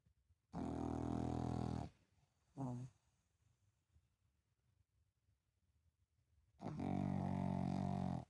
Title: pug snoring #pug #dog #cute #snoring